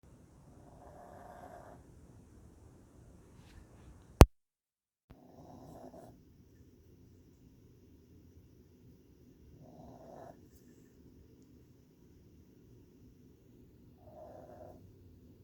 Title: snoring puglet